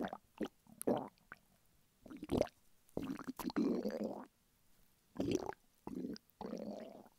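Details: Man lying flat on his bed, hungry: irregular gurgling and rumbling bursts separated by quiet pauses; hunger borborygmi.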